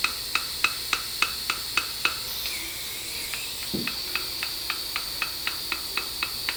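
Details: Regular sharp high ticks about 200 a minute over a steady hiss, with a brief sweep midway; dental drilling and suction during immediate implant placement after crown-root fracture, guided by OneGuide surgical guide, with dual zone graft.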